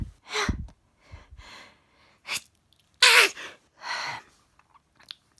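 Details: Adult sneezing fit at bedtime, with jaw spasms noted. Several sharp, hissing sneezes in a row, with sniffs and breaths between them.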